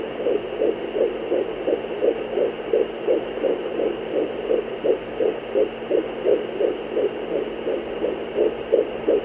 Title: Fetal Doppler Heartbeat